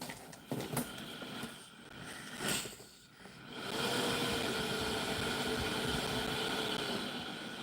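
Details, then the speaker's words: A newly unboxed sleep apnea BiPAP machine, not being worn, switched on: after brief handling noise, a steady rushing hiss with a faint hum as air blows constantly to keep the airway open. "So can you hear all that air? So that air is going into your mouth and your nose, and that's how it works. It's just constantly blowing in there to keep everything open."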